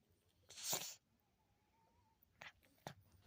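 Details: Cat (Emily) sneezing, then drinking and hiding under her chair: a small, soft cat sneeze followed by two faint puffs in a quiet room; sneeze.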